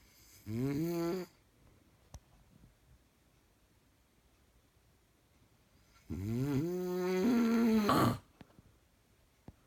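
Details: Snoring: two loud, buzzing breath sounds with a vibrating, rattly quality, separated by a quiet pause.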